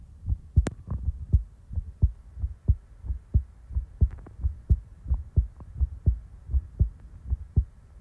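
Steady paired lub-dub thumps at about 90 beats a minute, regular rhythm: a heartbeat.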